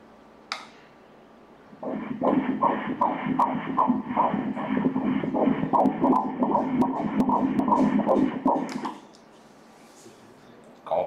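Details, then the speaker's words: Fetal heartbeat on colour Doppler ultrasound at 13 weeks 3 days of pregnancy, crown-rump length 7.3 cm: rapid, regular whooshing beats, measured at 156 beats a minute. "มาลองฟังเสียงหัวใจหัวใจลูกเต้น...สังเกตหัวใจที่นี่ส่วนที่เป็นสีนั้นคือหัวใจ"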